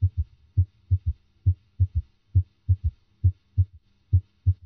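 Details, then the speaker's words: Simulated S3 heard with the stethoscope bell over the apical impulse, regular low-pitched heartbeat near 67 a minute; the third heart sound disappears when the bell is pressed more firmly on the chest wall. "now notice how the third heart sound disappears when the Bell is placed more firmly on the chest wall"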